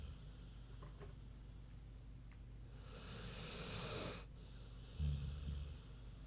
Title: Big Pig Snoozin' (HD Queenie Snoring Audio)